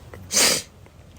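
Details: One sharp, explosive sneeze after a short in-breath, from pollen allergy.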